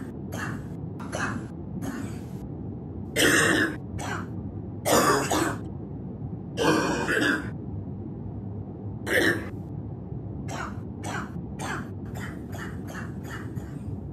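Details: Repeated harsh coughing in bouts, short hacks between several louder, rougher coughs, over music: bronchitis cough.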